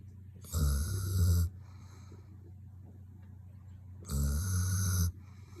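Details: Sleeping dog: two deep, rumbling snores with a whistling edge, each about a second long, over a steady background hum; snoring.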